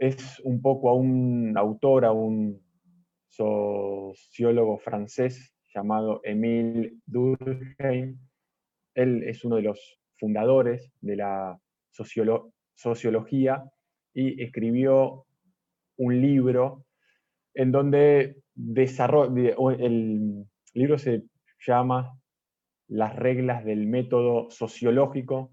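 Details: Stuttering in a male first-time participant from Argentina at a stuttering practice group, giving a deliberately unprepared presentation because he reports current problems with his spontaneous speech.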